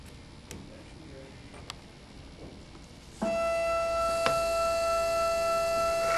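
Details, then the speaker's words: Steady high-pitched whine of the single-use MIS 7 final drill on a W&H motor, preparing an osteotomy for an 11.5 × 3.75 mm implant on a training model, after quiet handling sounds. "and finally the drill included with the Mis 7 implant single sealed sterile final drill designed for the exact specifications of the implant itself"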